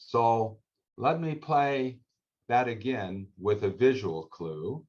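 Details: Adult man; normal speech.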